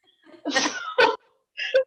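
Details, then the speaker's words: Adult woman with Tourette syndrome, whose tics developed later in life, making abrupt, brief noisy vocal sounds on sharp in-breaths: a new simple vocal tic. "And then I'm like, oh, every time like I breathe in, I think that's the tic."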